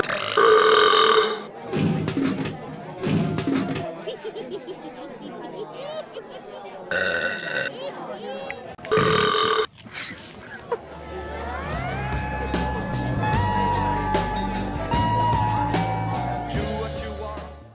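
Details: Person burping to pay a beer vending machine that accepts burps; loud burps mixed with talk, then machine beeps and electronic tones; belching.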